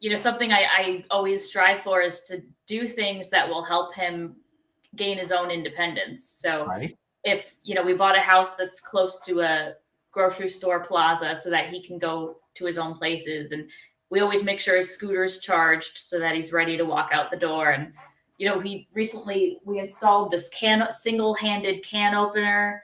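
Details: Adult woman speaking; typical speech.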